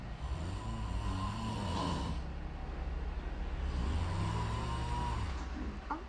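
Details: Adult father snoring, low rumbling snores across two long breaths over steady background noise; baby startled by the sound.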